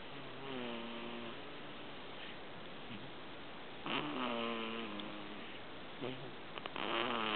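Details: Whistling, tonal snores from a person, described as dog-tired, on breathing in, recurring every few seconds over a low hum; squeaky, whistling snoring.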